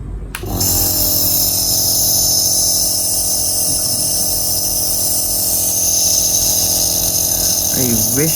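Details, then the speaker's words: Steady loud hum and buzz of a Believia NB03 home compressor nebulizer switched on after filling the medication cup with water; nebulizer compressor running. "कि उसके बाद button on करके इस की आवाज भी check करते हैं"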